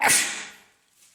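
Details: Single sharp, hissing sneeze fading quickly, from an adult male with a common cold for three days, congested with stuffed but runny nose and sore throat; sneeze.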